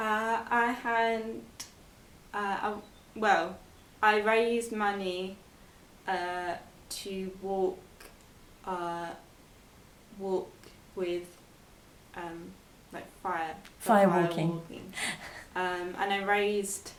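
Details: Expressive aphasia in a 22-year-old woman after a stroke at age 18, four years earlier; speech improved, reading, writing and numbers still difficult; expressive aphasia.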